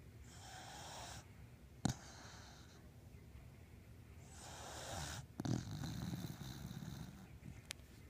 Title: Beagle snoring pt 2